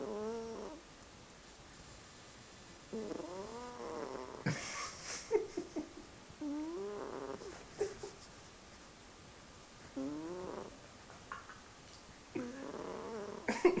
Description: My cat sound asleep making very funny noises